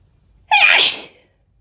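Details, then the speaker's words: A single sharp, hissing sneeze burst about half a second long after a quiet lead-in, in an intense, messy fit induced with too much chinkini that left the sneezer lightheaded. "Oh, that one was really messy. Gosh. They just keep getting more powerful as they keep coming."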